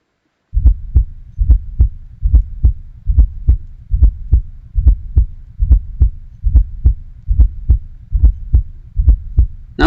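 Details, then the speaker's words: Regular low heartbeat near 71 a minute with a soft extra thump just before each S1, a "lub-dub" pattern linked to stiff hypertrophic ventricles; fourth heart sound (S4 gallop). "this fourth heart sound here just before the s1 can be considered as li lab dub let's hear"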